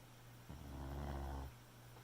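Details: A single low, rumbling snore lasting about a second from a sleeping Boxer puppy; snoring.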